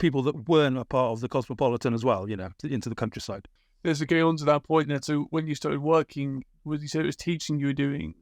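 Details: Adult man; typical speech.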